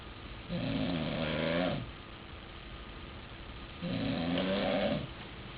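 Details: Adult snoring that has grown louder than before: two long, loud, buzzing snores about three seconds apart, quiet breathing between, steady snoring on each inhalation.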